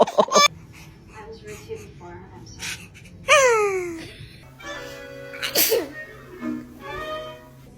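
Several sharp sneeze bursts from children, mixed with chatter, squeals and background music.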